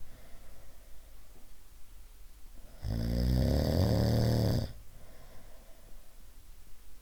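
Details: A single loud, deep, rattling snore lasting about two seconds, with quiet breathing before and after; snoring.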